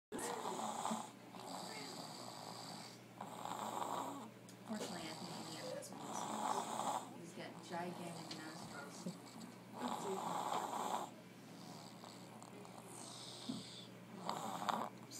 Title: Snoring